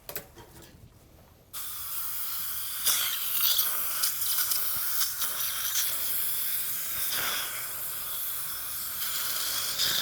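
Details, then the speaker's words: Dental water spray rinse after placing an implant torqued to 35 with good stability, live procedure: sudden loud continuous hissing spray with suction noise. "And let's go and rinse one time."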